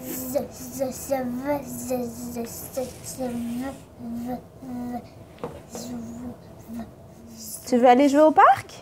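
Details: Acted example of a person who stutters, with the blockage occurring at the moment of speaking rather than in the thought; stuttering.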